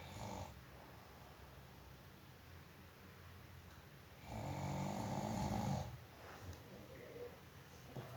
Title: suara naga ngorok#ngorok